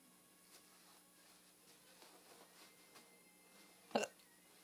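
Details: Hiccup from a person said to be drunk: a single sharp, abrupt gulping catch of the breath in a quiet room.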